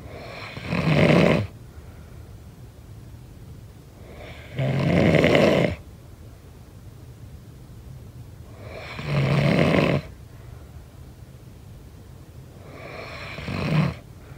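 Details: Snoring during sleep: four rough, raspy snores on each in-breath, about 14 a minute, against steady background hiss.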